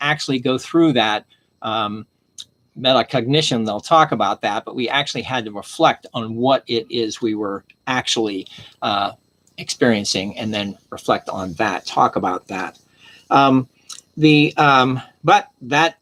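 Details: Adult man with aphasia after stroke, attending an aphasia conversation group and having had speech therapy. Finding: aphasia.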